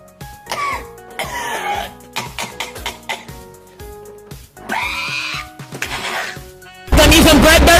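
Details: Repeated short throaty coughs and throat clearing in a small room, with background music and a loud noisy burst at the end; adult man coughing.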